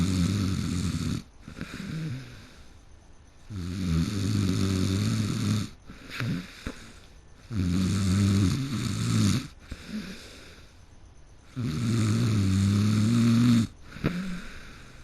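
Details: Person who fell asleep mid-game: loud, rumbling snores on each in-breath, about 15 a minute, with quieter breathing between; snoring.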